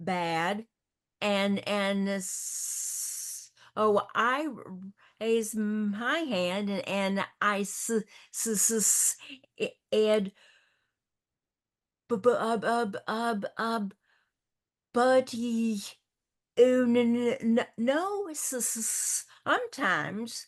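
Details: Stuttering in a woman hosting a support discussion for older adults who stutter, who also reports a paralyzed vocal cord; stuttering.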